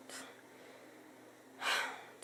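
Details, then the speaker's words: Short, noisy breath with a faint whistling edge in a woman who wheezes after walking to her bedroom door or talking a few minutes, with sleep apnea and coughing up blood, needing breathing treatments: wheezing. "I walk to my bedroom door and it's not wheezing I talk few minutes I start wheezing it"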